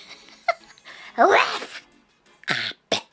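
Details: Adult female streamer imitating her own sneeze: a loud, exaggerated fake sneeze with a voiced build-up followed by sharp bursts.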